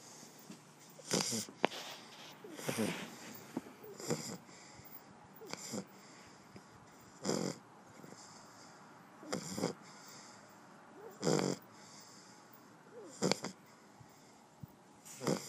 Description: Our shar pei fast asleep snoring.